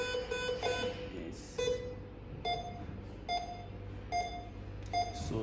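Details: Multi-parameter patient monitor demonstration: repeated electronic pulse beeps roughly once a second with a few other tones while SpO2 is measured on a patient, reading settling at a normal 99%.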